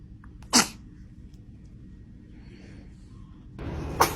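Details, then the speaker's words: Two short, sharp sneeze bursts from a baby, several seconds apart, over quiet room noise: infant sneezes. "Ooh. Ooh. Ah. Oh, goodness. Were you about to sneeze? Bless you. You're so cute."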